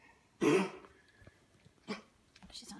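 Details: Dog with kennel cough, started on antibiotics and resting to recover, gives a harsh, hacking cough, then a weaker second burst and a faint third.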